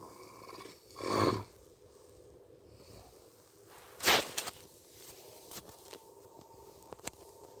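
Two loud, rough, snorting breath noises about three seconds apart, typical of heavy snoring.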